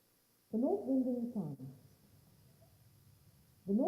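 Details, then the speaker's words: Hearing-loss simulation of a speech passage ("The North Wind and the Sun") with noise added: muffled, unclear speech with the crisp upper sounds lost over a low hum; simulated hearing impairment in noise. "so that you can understand the difference in sound that simply having not just some hearing impairment but also noise imposed on those hearing impairments inflicts on you"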